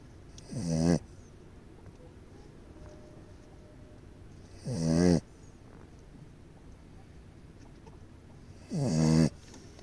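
Three loud, rattling snores on the breath in, about 15 a minute, from a sleeping dog; quiet room between them.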